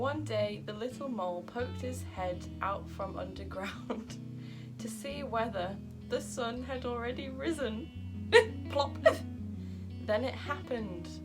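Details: Vocal tics of Tourette syndrome in an adult woman, interrupting her reading of a children's story aloud.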